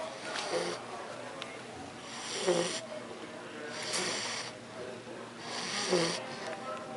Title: Snoring Bulldog